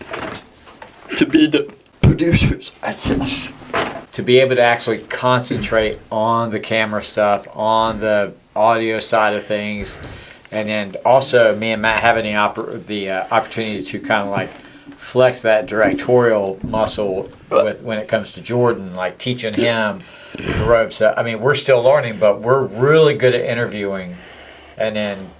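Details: Adult male speaker; typical speech.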